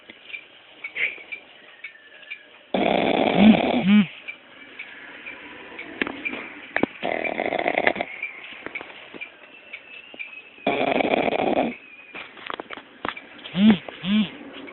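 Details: Sleeping puppy snoring with irregular rasping, snorting breaths and rattling snores over faint room noise; snoring.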